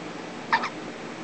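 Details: Hiccups in a baby girl after feeding heavily: a single brief hiccup, a short double-pulsed squeak over steady room noise.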